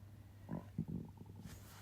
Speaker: Oh, sorry. You can hear my tummy rumbling. I've just had my evening meal. It's rumbling away.